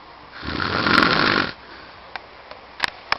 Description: My Father In Law snoring like a crocodile with a blocked sinus